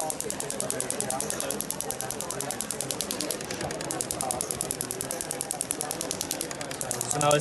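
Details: Radial shockwave therapy on an Olympic athlete's tight muscle at lower frequency and energy 1.3, applied at 90 degrees to the fibres: a rapid, even train of sharp clicking pulses, about ten a second, with muffled room talk behind.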